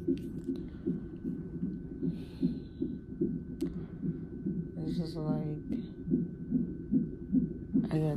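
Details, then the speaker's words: Fetal heartbeat on a monitor in labor and delivery triage at about 34 weeks of pregnancy, mother in pain with pressure: rapid soft whooshing pulses about 145 a minute with brief beeps and room hum; baby moving or kicking. "yeah y'all can hear like the a lot of get that's hert moving or kicking and it's"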